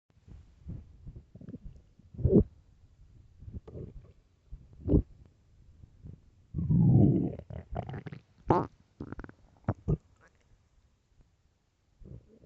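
Loud, irregular gurgling and rumbling from an empty stomach: ordinary hunger-related bowel sounds.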